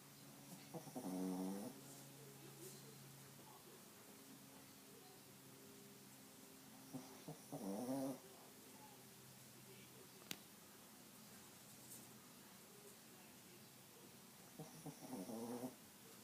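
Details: Shih Tzu dog snoring: soft, low snoring snorts, three spaced over sixteen seconds, against a steady room hum.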